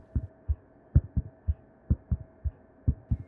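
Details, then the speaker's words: Simulated fourth heart sound (S4 gallop), faked by a stethoscope technique from a 1910 paper: heartbeat about 62 per minute, each beat led by an extra soft low thud. The S4 is always abnormal and is caused by a stiff heart. "a fourth heart sound is always abnormal and that's caused by a stiff heart it sounds like this"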